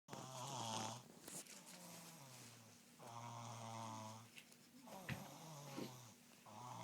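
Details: Snoring in a sleeping 3-year-old girl: repeated rough, buzzing breaths with a steady low pitch, a few seconds apart.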